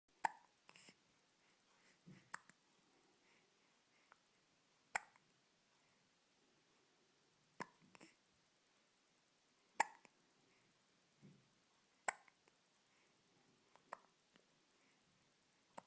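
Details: Hiccups: soft, sharp, repeated clicks in a quiet room, about 26 a minute.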